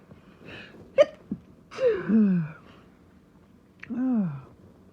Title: Rapid Sneezing Fit (M)